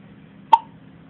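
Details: A baby girl's hiccups: a single short, sharp hiccup from an infant in a quiet room.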